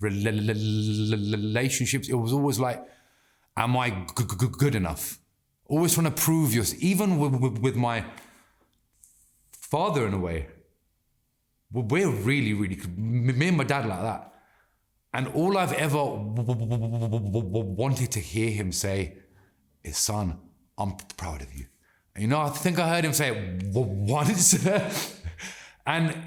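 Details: Adult man with stammering (stuttering) since childhood that has not stopped in adulthood; he reports anxiety and stress make speaking harder and that he can control it by slowing down and taking a breath.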